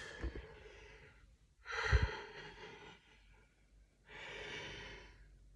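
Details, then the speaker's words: Harsh, raspy breaths with a strained, stretched quality, likened to drawing a bow or a rubber band and called zombie-like, right after a coughing fit while coughing up phlegm: noisy breathing. "you hear that it's like a it's like drawing a bow and arrow there's like a rubber band"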